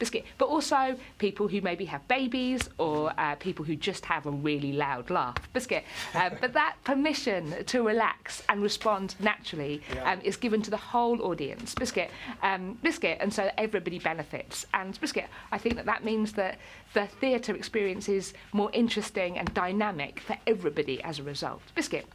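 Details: Involuntary vocal tics in an adult woman with Tourette syndrome; her main tic word "biscuit" occurs up to 16,000 times a day, alongside tics such as "hedgehog" and "cats" and occasional swearing.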